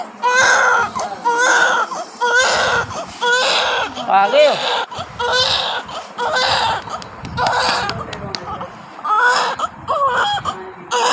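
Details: Baby girl just after normal delivery; hospital reported the baby had passed stool. Loud, rhythmic, vigorous newborn crying in repeated bursts about one per second.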